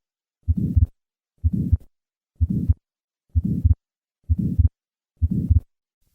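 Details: Innocent murmur.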